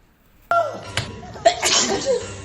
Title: Sneezing girls Covid-19 nasal swab test sneezing 재채기 -くしゃみ